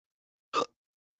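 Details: A man talking on a wrestling commentary show makes a single abrupt, brief gulping sound with a sharp onset and quick cutoff, then remarks on his hiccups: one hiccup.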